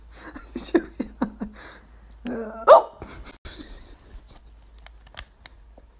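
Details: Sharp, abrupt hiccups recurring every second or so, with a louder one and a short vocal sound; ordinary hiccups in an adult.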